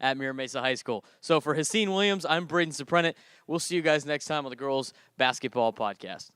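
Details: Adult male speaker; normal speech.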